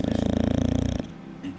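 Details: Bulldogs napping in their crates in the afternoon, one keeping on snoring with an eye open: a rapid, rattling, fluttering snore lasting about one second, then quiet; a soft snore for them, usually much louder.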